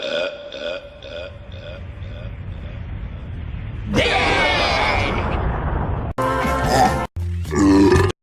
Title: Cartoon Burp Compilation | Female | Part 1